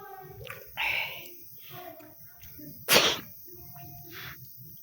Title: Tickle sneezing. First sneezing video